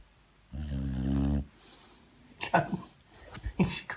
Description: Some industrial strength snoring from Yoshi, my 13-year-old Boxer, fast asleep on her favourite bit of knackered old couch!